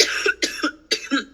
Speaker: excuse me I just got got old for being sick